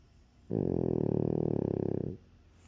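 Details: French Bulldog, very tired, curled up in owner's arm in deep sleep: one long, deep, vibrating snore lasting about one and a half seconds.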